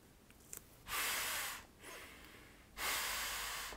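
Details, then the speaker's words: Adult whose nostril skin collapses on hard inhalation takes three strong, hissing nasal breaths with steady, unobstructed airflow while wearing an adhesive nasal dilator strip; nasal breathing with a nasal dilator strip. "so that's what these guys do um and I would say they work so this is one Amazon product you don't feel bad about buying uh they do work they do help um and they do help you breathe"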